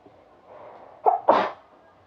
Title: Me sneeze and sniffle (WARNING CUTE SNEEZE)